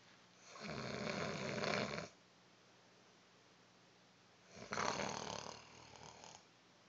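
Two harsh, rattling breath noises a few seconds apart, one long and one shorter, against quiet room hum; snoring.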